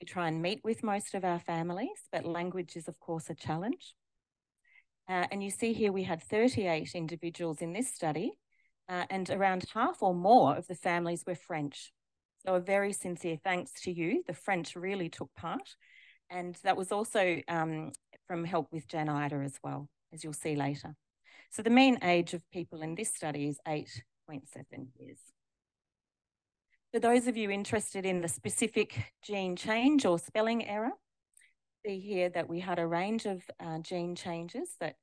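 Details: Adult woman speaking; normal speech.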